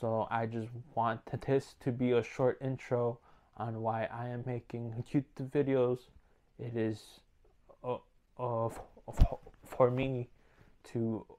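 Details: Male speaker with stuttering, working on it day by day, worse when uneasy, sometimes severe enough to stop making videos; stuttering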